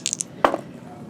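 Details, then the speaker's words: An adult's knee kneeling: a few faint light clicks, then a single short dull pop; knee popping (joint crepitus). "Okay, so let's see. That was the sound of my knee popping. I'm sorry."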